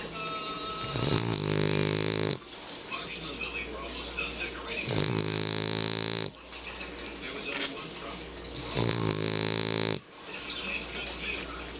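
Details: French Bulldog snoring in the dark, so loud the owner couldn't sleep: loud, buzzy, harsh snoring in long drawn breaths, about 19 a minute, over a steady background hum; noisy flat-faced dog breathing.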